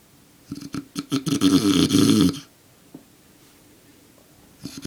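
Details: Adult man, father, sleeping very soundly: one long, loud, fluttering snore built from quick rattling pulses, then quiet, the next breath starting at the end; snoring.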